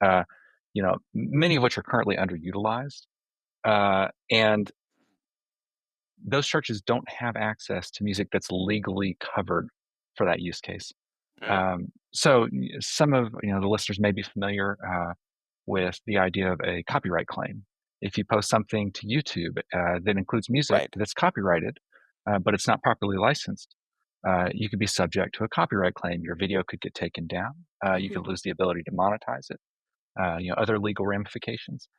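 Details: Adult man speaking; normal voice.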